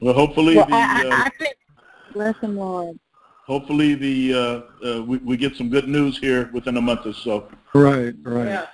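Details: Adult male speaking over a telephone line; Ordinary conversational speech.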